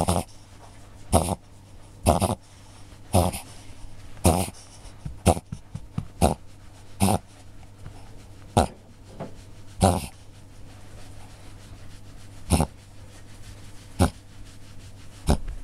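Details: Repeated sharp snorting pulls of air through the nose, about one a second, in a long run from a Cavalier King Charles spaniel; owner suspects reverse sneezing, which is hard to stop once it starts.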